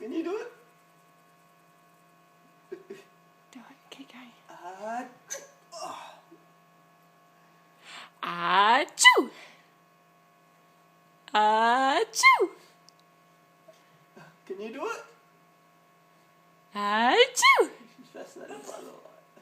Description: This is my five month old baby girl laughing at her Daddy fake sneeze and then trying to copy and fake sneeze.